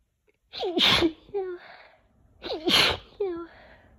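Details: Two forceful, messy sneezes from a person sick with a cold in June, each with a rising vocal lead-in and a wet, explosive burst, then a voiced trailing sound; sneezing.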